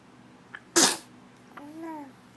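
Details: Baby girl in the morning before her bottle: a small intake of breath, then a single sharp infant sneeze and a short soft vocal sound; sneezing.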